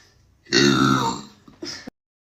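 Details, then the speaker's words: Woman demonstrating voluntary burping by first sucking in air: one long, loud voiced belch that fades out, then a brief shorter belch. Burping. "so I'm going to try to show you how like I do the burp so I start with like sucking in air"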